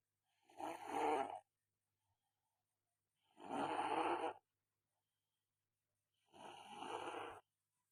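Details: Rough, fluttering snoring, about 20 a minute with silent pauses, in a person sleeping after a massage, sweaty and feeling unwell.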